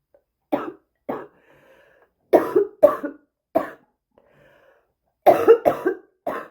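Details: Repeated harsh, chesty coughs, about ten in short bouts, with faint noisy breaths between; a bad, persistent smoker's cough.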